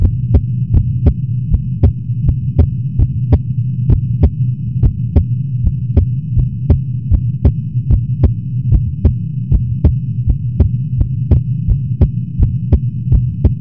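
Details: Own heartbeat recorded just after waking, slightly fast, with loud air-conditioner background noise.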